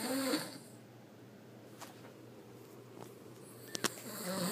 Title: Snoring fat boi